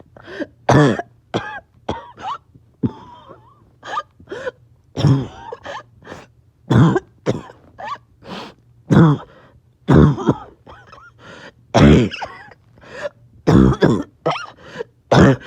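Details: Back-to-back coughing fits in a person who is a little short of breath: repeated harsh coughs in close bursts with throat clearing, around 35 a minute.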